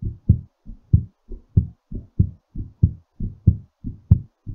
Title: exercise recovery heartbeat